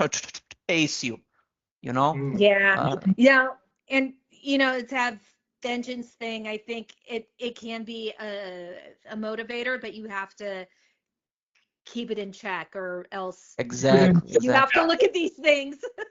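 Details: Stuttering in an adult woman, onset at age eight; open about her stutter.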